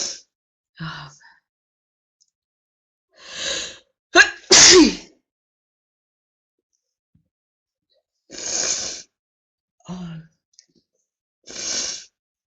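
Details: Woman having a prolonged sneezing fit: repeated sneezes with gasping in-breaths, one loud forceful burst among them, spread over several seconds.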